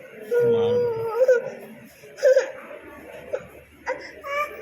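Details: Baby crying after an injection: sudden loud, wailing bursts of crying, an infant pain cry, with an adult talking softly nearby.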